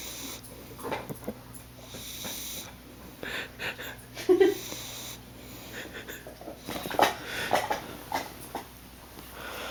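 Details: Dog lying halfway on a couch, breathing in irregular, rough, snorting bursts with a faint whistly edge over a low steady room hum: snoring.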